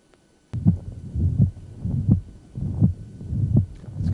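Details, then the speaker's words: Heartbeat near 83 a minute with a steady holosystolic rushing murmur from first to second sound: mitral regurgitation. "now mitral regurgitation differs as soon as you hear first hearts and the murmur is going to reach peak intensity and it's going to last until the second heart sound"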